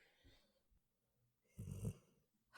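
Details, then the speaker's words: A comfortable sleeping dog, twitching, gives a low, rattling snore on the in-breath with softer snorts before it, picked up on a podcast microphone; ordinary snoring. "My dog was just snoring. I'm like, what the hell is that noise? I'm going to try and see if you can pick it up on the mic."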